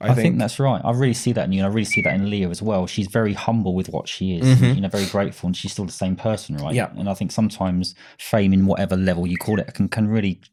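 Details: Adult male speaker; normal speech.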